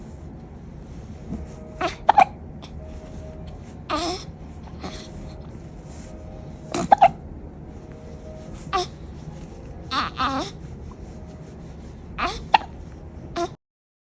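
About six abrupt, brief throaty bursts at irregular intervals over soft background music, a run of hiccups.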